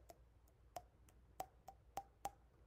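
Five light taps, then a brief vocal sound, imitating percussion of a taut, fluid-filled abdomen in ascites.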